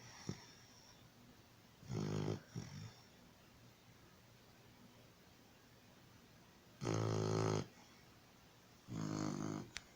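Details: Sleeping puppy snoring after receiving his vaccination shots at the vet: loud, deep rattling snores with long quiet gaps between them.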